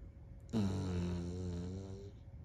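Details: Small dog sleeping on his back: a single drawn-out, buzzing snore lasting about a second and a half; gentle snoring in sleep.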